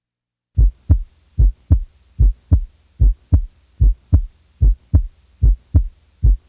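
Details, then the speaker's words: Regular lub-dub heart sounds at about 74 beats a minute, the first sound slightly lower in pitch than the second; normal first and second heart sounds. "normally the first sound is slightly lower in pitch in comparison with the second sound"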